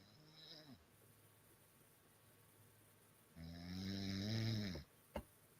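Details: Woman snoring in sleep: two loud, low rattling snores with a quiet pause between them, then a brief click, in a small room; snoring.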